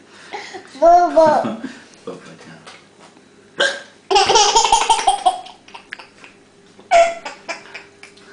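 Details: Sharp hiccup catches breaking into a child's laughter and babble, with other voices nearby; a child's hiccups.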